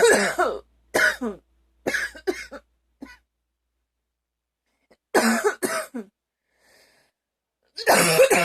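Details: Several coughs from the person recording, captured a few weeks earlier, with one cough unusually loud; cough.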